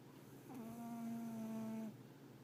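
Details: Pet cat (named in source) snoring while napping: a single drawn-out, buzzing tonal snore over quiet room noise.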